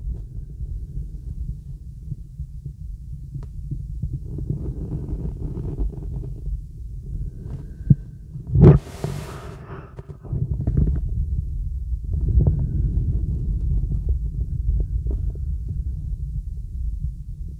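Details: Normal breath sounds over the right lung of a girl, recorded with a real stethoscope during a relaxing full-body auscultation.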